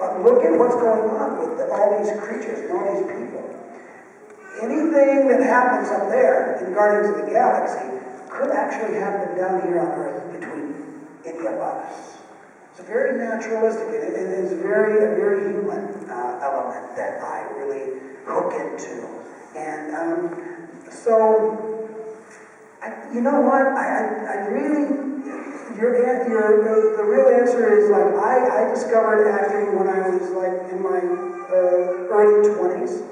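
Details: Adult male with one vocal cord bowed and one paralyzed after a childhood clothesline injury to the neck, present ever since; rough, breathy, raspy voice with excess air escape; vocal cord paralysis.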